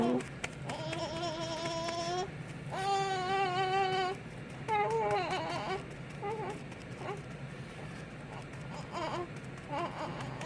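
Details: Infant boy crying, unhappy while being burped by his father: drawn-out wails, then shorter fussy sobs in a small room.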